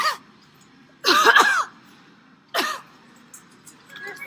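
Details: A woman deliberately coughing at customers in a supermarket, later claiming allergy: three loud, forced, voiced coughs, one a double burst, with shop background noise.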